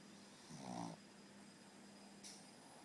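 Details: Asleep and snoring: a single brief nasal snore followed by a faint snuffle over a steady hum.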